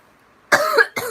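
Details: Two short coughs, one after the other, in a quiet room, from a young woman tasting a drink, burping, and saying she is crossfaded.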